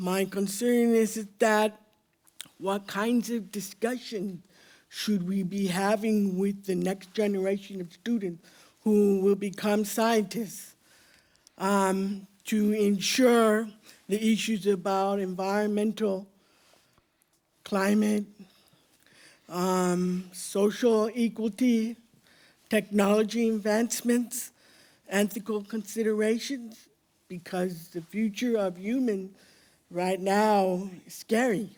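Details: Deaf speech in an adult woman who was born deaf.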